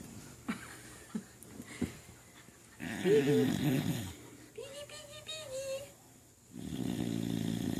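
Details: Young dog with baby teeth lying on her back while awake, possibly hard to breathe: snorting, rattling breaths with a whistly squeak between, small quiet room; snoring while awake.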